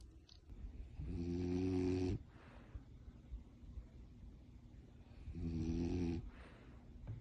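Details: Sleeping French bulldog snoring: two long, loud, rattling snores on inhalation, with quieter exhalation between them.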